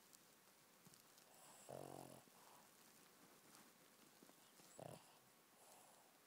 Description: Sometimes my chubby shih-tzu Jake snores pretty weird.